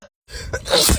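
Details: A brief silence, then a sharp intake of breath and a single forceful sneeze from a Black woman on camera, looped edit, tagged allergies; sneeze.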